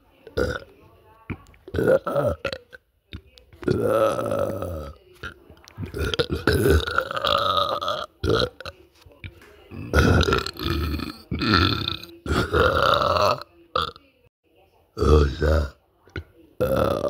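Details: A long run of loud, deep, drawn-out voiced belches from a boy, with short pauses between them: repeated burping.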